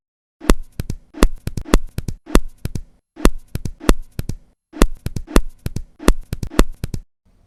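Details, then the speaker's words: Simulated heart sounds, irregularly irregular, with a sharp three-part quail rhythm: atrial fibrillation with quail rhythm, a sure sign of mitral stenosis. "что вы узнали кроме мерцательной аритмии здесь ещё и ритм перепела верный признак митрального стеноза"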